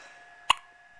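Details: Baby right after milk feeding gives repeated hiccups: post-feed hiccups.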